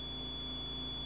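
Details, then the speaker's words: Steady high-pitched electronic startup alarm over low machine hum when a Dräger Evita XL ventilator is switched on via the rear on/off switch, with air and oxygen connected and compressor running; normal initial alarm. "push this little flap up right here right there and turn it on kind of has initial kind of annoying alarm"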